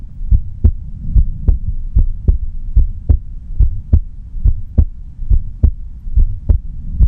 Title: 无台词｜安静听的心跳 No Talking｜Just Listen to Heartbeat